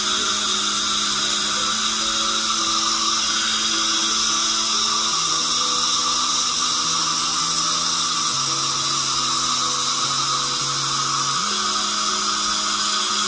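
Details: Dental drill preparing a cavity for a filling in a boy under local anaesthetic: loud, steady high-pitched whine shifting in pitch with load, music in the background.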